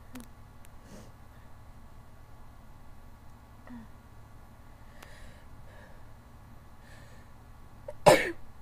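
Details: Quiet room with faint breaths, then one loud explosive sneeze near the end, during a sneezing attack with an open window and a badly runny nose; sneeze.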